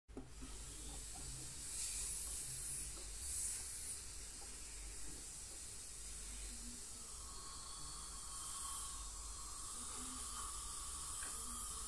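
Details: Professional teeth cleaning by a dental hygienist on a patient with heavy plaque and tartar, possibly gingival inflammation: steady hiss of water spray and suction with faint high instrument whine; ultrasonic dental scaling.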